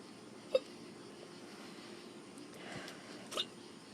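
Two sharp, brief hiccup sounds about three seconds apart over quiet room noise.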